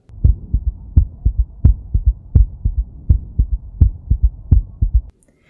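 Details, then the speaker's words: Heart failure in infants and children: a heartbeat at about 85 a minute with an extra low thud after each second sound, giving a galloping three-beat rhythm. An S3 gallop from volume and pressure overload. "On cardiac auscultation, you may also hear an S3, otherwise known as a gallop, which is secondary to volume and pressure overload."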